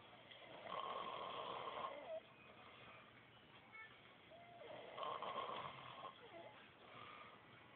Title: Snoring Pinja